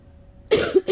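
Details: Harsh, wet, unproductive cough bursts straining to clear phlegm after a quiet lead-in, in someone ill for a while.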